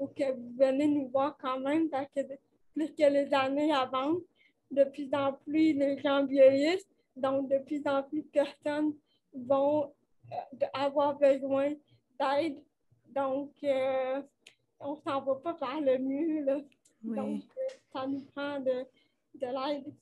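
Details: 29-year-old woman with cerebral palsy caused by lack of oxygen at birth, speaking French in an interview; she appears to mention speech difficulties; finding: dysarthria (cerebral palsy).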